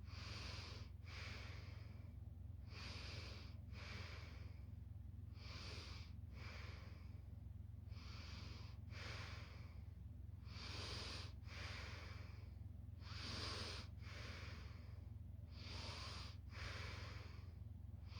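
Soft, quick, regular snuffling breaths over a steady low hum; a quiet snore.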